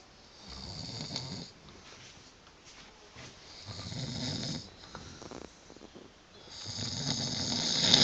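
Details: Snoring: three loud, rough inhaled snores with quiet gaps, about one every two to three seconds, in a quiet room.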